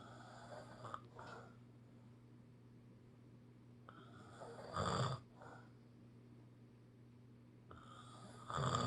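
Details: Snoring: loud, rough snores about every four seconds, roughly 16 a minute, with quiet pauses between, over a steady low room hum.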